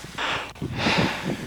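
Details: Laboured breathing at high altitude, recorded around Everest base camp (about 17,500 feet), Nepal, during a climbing trip through the Khumbu Icefall.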